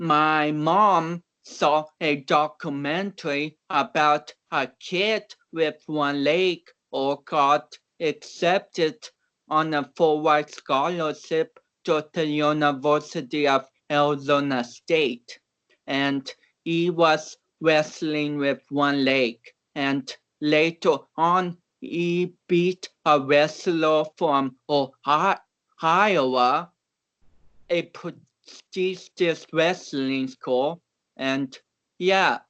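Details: About 29-year-old male athlete with cerebral palsy, reportedly not expected to walk or talk; real conversational speech, transcribed with many garbled words, showing dysarthria.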